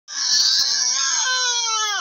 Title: baby vaccination and injection crying video